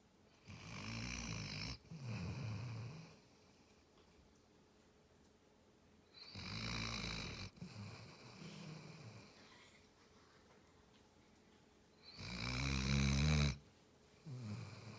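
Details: Loud, rough, rattling snores with each breath, about four breaths a minute, separated by quiet pauses; snoring.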